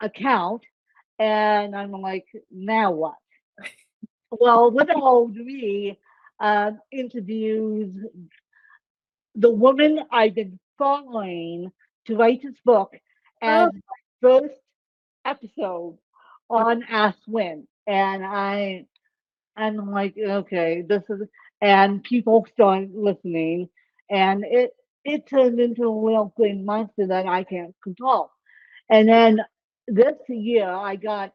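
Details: Dysarthria in an adult woman with ataxic cerebral palsy, a physical disability.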